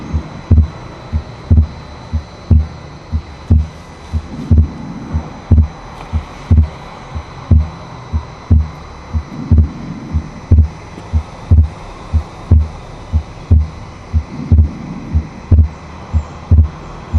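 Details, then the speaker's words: Widely split second heart sound on the Harvey simulator, pulmonary area, about 60 a minute: second sound permanently split into two parts, more split on inspiration than expiration. "Ahora pasamos al foco pulmonar y van a escuchar, en el foco pulmonar van a escuchar que el segundo ruido está desdoblado permanentemente, pero pueden escuchar que se desdobla más en la inspiración que en la expiración."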